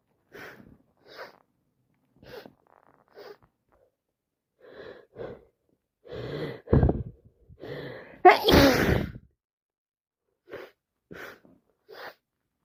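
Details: Adult with a head cold, sneezing about 6 times a minute: soft catching, hitching breaths, then two loud, wet sneezes close together, with quieter hitching breaths after. Repeated sneezing.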